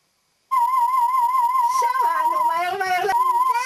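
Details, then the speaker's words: Play audiometry with a young girl wearing headphones, conditioned to put a toy by her ear when she hears the beep: a steady warbling audiometer test tone with short child vocal sounds over it. "עכשיו אני מביאה לך משחק צפצופים. טוב? אני אביא לך משחק צפצופים."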